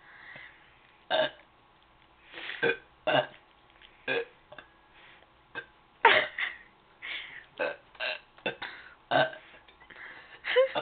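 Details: A girl burping: a rapid series of short, voiced belches, about a dozen in ten seconds, some longer and rumbling.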